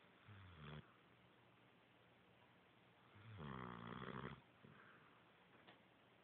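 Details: Snoring of a sleeping dog that later wakes up barking: two drawn-out, droning snores several seconds apart in a quiet room.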